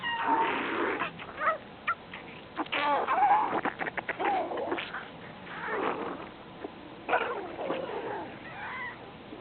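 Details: Loud irregular gurgling, squeaky, pitched stomach growls from a sleeping 12-year-old Golden Retriever. These are borborygmi from the stomach and intestines. The owner believes it is indigestion.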